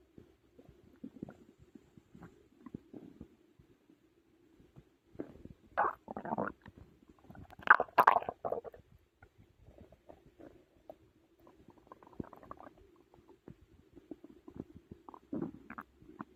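Irregular gurgling, squelching and low rumbling bursts with quiet gaps, typical of stomach growling from digestion after a large meal.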